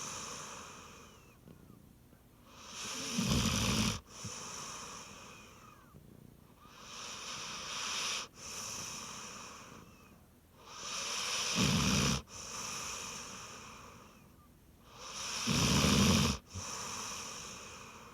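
Loud, rough snores on each breath in, about 14 breaths a minute, with a soft whistle on breathing out. A snoring dog.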